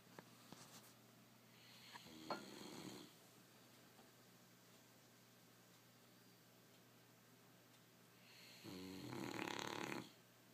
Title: Gilly- tooting or snoring???????